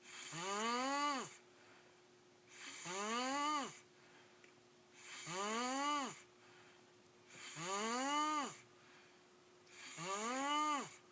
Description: Boy snoring funny